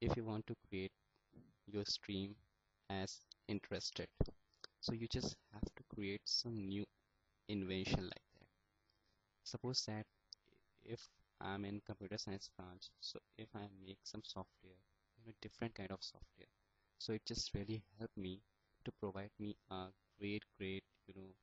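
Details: Stuttering (stammering) in a male speaker who attends speech therapy sessions.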